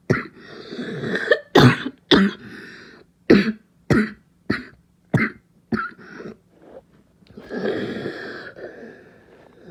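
A child's run of harsh, abrupt coughs with a barking quality, between noisy breaths.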